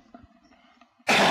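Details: Cough.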